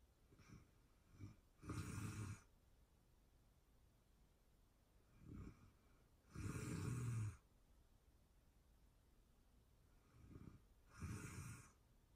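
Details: Real-time recording of a sleeping person snoring, made for anxiety relief: rhythmic rattling snores on each breath in, with softer breaths out, roughly 13 a minute; snoring during sleep.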